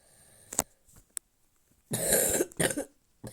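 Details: A short, harsh cough burst followed by a second cough, with small throat noises before them, from a person who says they are sick.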